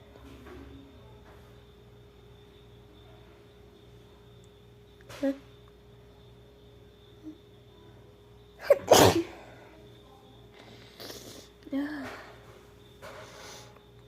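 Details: Acted, simulated sneeze in a role-play of a sick person: one loud sneeze with a quick inhale before it, then a few softer sniffles and breaths in a quiet room with a faint hum.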